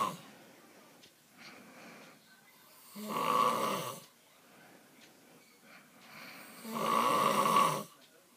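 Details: Constant loud snoring that goes on all night and keeps a bed partner awake: loud snores about every 4 seconds with softer breaths between, heavy habitual snoring.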